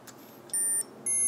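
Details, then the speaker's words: Medtronic MiniMed pump during infusion set change after reservoir rewind; two short high-pitched beeps, a minor (not major) alarm warning that insulin is not being delivered. "it's beeping um to this is one of the alarms telling you that hey you're not getting insulin delivery"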